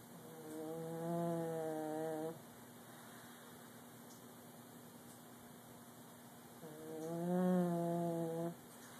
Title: Snore Cam